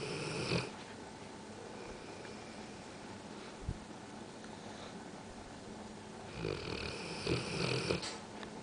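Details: Bullmastiff dog snoring: loud, rough snoring breaths at start and end with quieter breathing between, in a small room.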